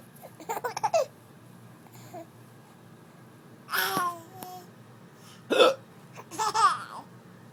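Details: A child laughs and babbles with sudden short catching hiccup sounds between, finding the hiccups funny: hiccups.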